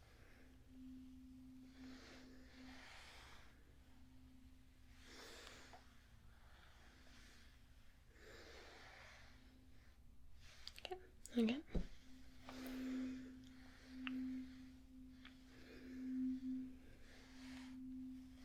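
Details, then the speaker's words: Steady, low-pitched 256 Hz tuning fork hum moved around the ears during a role-played ASMR cranial nerve hearing test, with soft breathy sounds; simulated exam. "So, I'm gonna get this and I'm going to make a sound all around your ears with this. It's a 256 Cork and you need to tell me if you can hear it and then when you can no longer hear it."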